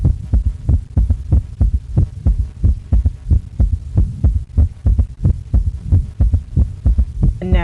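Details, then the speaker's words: Low thumping heartbeat at about 90 per minute with a soft extra low sound just after the second sound, an S3 gallop; a reference heart-sound recording played while teaching about coronary artery disease. "Now, I thought I might incorporate some of the heart sounds. So, these are heart sounds taken from the website Merc and I'll leave that link in the description box below if you want to hear more heart sounds."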